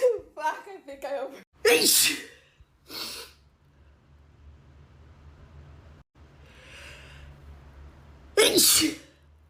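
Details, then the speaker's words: A young woman sneezes a few loud times, each with a quick in-breath, separated by pauses, with brief voice sounds at the start: repeated sneezing. "I keep sneezing."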